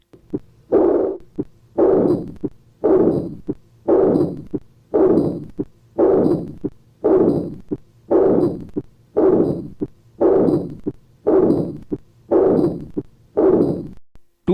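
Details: Austin Flint murmur: regular beats near 57 a minute with a low diastolic rumble at the apex in severe aortic regurgitation.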